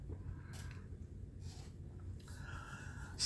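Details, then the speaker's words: Adult with ongoing cough and wheeze; ENT scope showed redness and irritation at top of esophagus, suspected acid reflux; exertion of talking worsens it. Noisy breaths with a sustained whistling, musical tone on one breath; wheeze. "Um, I'm also going to be wheezing a lot because that's that's the main thing I'm dealing with right now."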